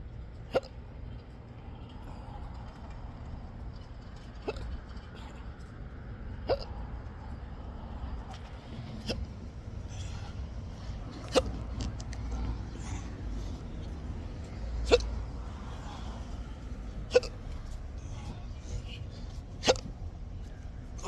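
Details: Sharp, brief hiccups recurring about every 2–3 seconds, roughly eight in twenty seconds, over low traffic-like noise, in an adult with long-standing intractable hiccups, recorded on their birthday at a restaurant; persistent hiccups.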